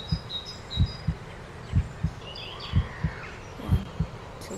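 Steady paired low thumps at about 62 beats a minute, a regular heartbeat, with birdsong and outdoor ambience behind.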